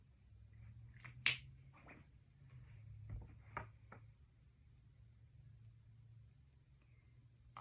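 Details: Student nurse percussing the abdomen during an abdominal assessment; liver percussion showing a normal liver span.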